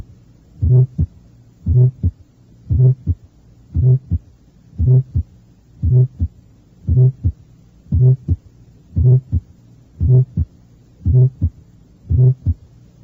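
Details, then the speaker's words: Fourth left intercostal space beside the sternum, review example 14 of a cardiac auscultation teaching recording: steady heartbeat near 58/min with a soft humming early-to-mid systolic innocent vibratory murmur. "fue un soplos histórico e inocente del tipo frecuentemente denominado vibratorio se le escucha solamente en las porciones inicial y media de la sístole"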